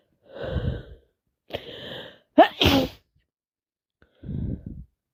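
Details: Person with a head cold that has got worse: noisy breaths and sniffs around one sharp, explosive sneeze, during nonstop sneezing and sniffing.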